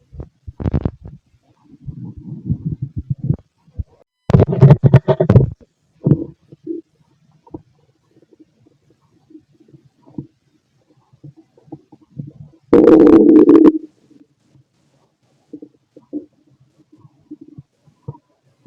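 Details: Fit male, stomach auscultated with a stethoscope while digesting pastry, chicken, curry, bread, milk, eggs and pasta; irregular gurgles and rumbling bursts between quiet gaps; normal bowel sounds.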